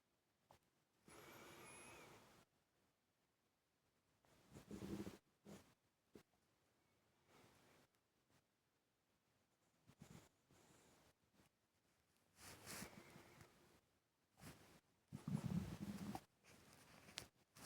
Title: Quiet stomach rumbling new 🎤